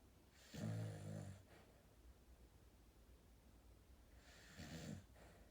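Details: Two low, fluttering snores about four seconds apart, roughly fifteen breaths a minute, against quiet room noise; ordinary snoring.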